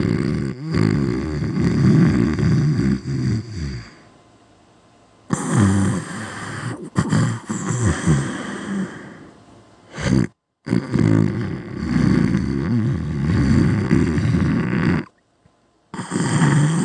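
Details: Loud snoring: very loud, deep, rattling snores lasting several seconds each, separated by brief quiet gaps.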